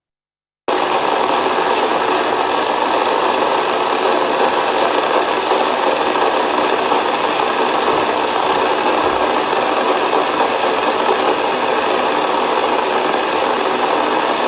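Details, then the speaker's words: Microelectrode recording during deep brain stimulation surgery for Parkinson's disease: a continuous static-like hiss of background brain activity. Cells respond when the patient's arm is moved during mapping. "round, which is just the background noise of the brain, which sounds weird to say, but that's the truth. It kind of sounds like static on your radio."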